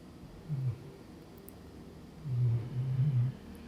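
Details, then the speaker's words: Female pet dog asleep nearby, snoring in a quiet room: low rumbling snores, one short snore and then a longer two-part one; ordinary dog snoring. "I'm sorry if you can hear my dog snoring she's right there I don't know if you can see her"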